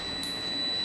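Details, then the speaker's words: Continuous high-pitched tone from a BINGO PRO apex locator on a demonstration model, sounding when the endodontic file reaches the root canal apex and the scale reaches zero; apex signal. "когда апекс достигнут в шкала делений доходит до нуля появляется надпись апекс раздается непрерывный звуковой сигнал"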